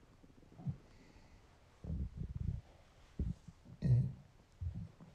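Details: Adult man's hungry stomach: irregular low gurgling rumbles in several short bursts over quiet; hunger growling (borborygmi).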